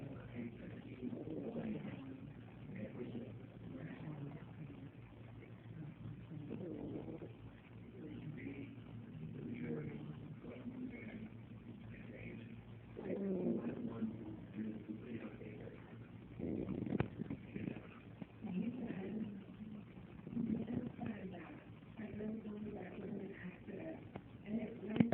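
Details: Dog snoring in slow, rumbling cycles with an unusual, almost voice-like groaning quality; snoring.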